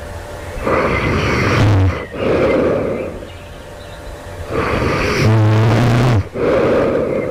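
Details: Loud, harsh snores with each breath, some with a rough rattling vibration, about two breath cycles in seven seconds, heard during sleep just before awakening; the person wonders whether they are developing sleep apnea.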